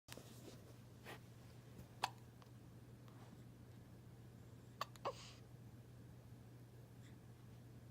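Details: An infant has hiccups while a puppy watches: three or four soft, sharp hiccup clicks at irregular intervals over a steady low room hum.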